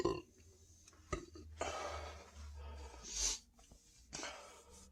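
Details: A few loud, drawn-out belches in a quiet room, standing after drinking more Sprite; adult reports feeling very full and tight; belching.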